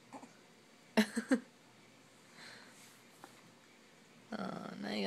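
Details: Burping: three quick low throaty bursts of escaping air, followed by voices; hiccups mentioned afterwards.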